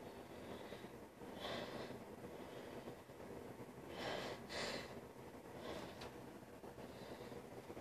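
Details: Congested snorting and sniffling: three or four noisy nasal snorts and sniffs over a steady rumbling background.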